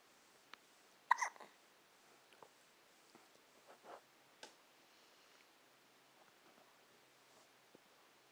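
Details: Quiet room with a few soft, abrupt catches and squeaks at irregular intervals, occasional hiccups after feeding; hiccups.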